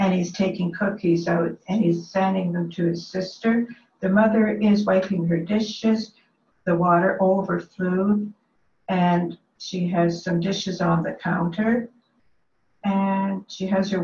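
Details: Female patient with early onset dementia, non-memory presentation, describing the cookie theft picture; logopenic primary progressive aphasia.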